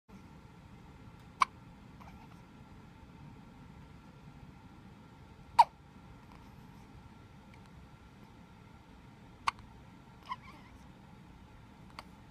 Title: Baby hiccups